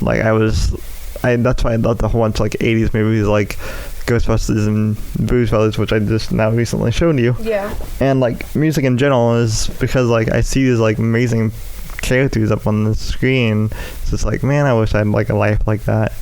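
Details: Speech impairment in an adult male with cerebral palsy affecting the right side of his body, including right arm and leg, which he says causes his speech impediment.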